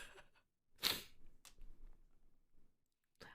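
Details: A single sharp, explosive burst of hissing air, then quieter breathy sounds in a small room: an ordinary sneeze.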